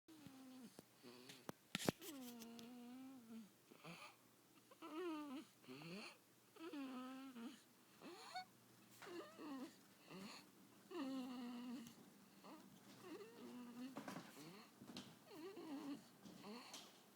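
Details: Baby asleep: quiet, repeated buzzing, whistly breaths in a steady sleeping rhythm; snoring.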